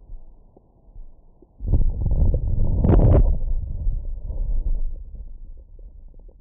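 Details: Stomach growling recorded over the abdomen with a Stemoscope stethoscope microphone after a large meal: low rumbling gurgles swelling and fading over several seconds; ordinary bowel sounds.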